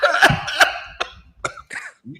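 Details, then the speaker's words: A few harsh coughs and throat-clearing bursts during a live sports talk show, apparently after something went down the wrong pipe; coughing. "It sounds like somebody coughing right now. They can't cover that mouth."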